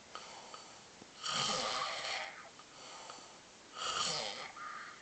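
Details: Loud snoring: rough, buzzing snores on each breath in, with a whistling edge and softer breaths out.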